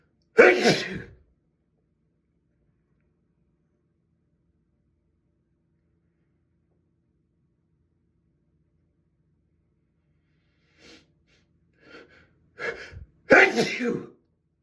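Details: Sneezing fit in a bathroom: two loud explosive sneezes separated by a long quiet pause, with small sniffs and breaths building before the second.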